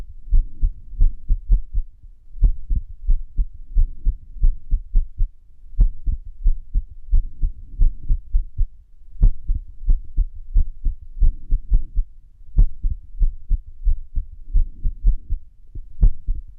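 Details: Irregular heartbeat (arrhythmia): low heart thumps arriving at uneven intervals with occasional pauses, an irregular rhythm.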